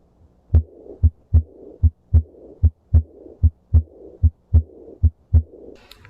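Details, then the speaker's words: Teaching example of an early diastolic murmur: a regular heartbeat at about 75 a minute with a soft, higher-pitched blowing murmur right after S2. It reflects aortic regurgitation if radiating to the apex, or pulmonary regurgitation along the left sternal border. "early diastolic murmurs are usually higher pitched and are reflective of aortic regurgitation if it radiates to the apex or pulmonary regurgitation if it radiates along the left sternal border"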